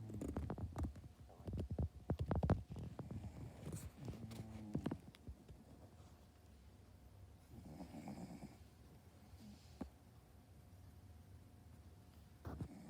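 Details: Boston terrier snoring while asleep: low, rattling, fluttering breath sounds from a small dog, fading to quieter breathing.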